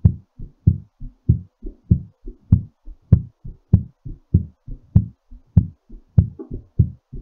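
Strong, regular low heartbeats, about 98 a minute, with clear paired sounds; a heart still beating fast while recovering after exercise.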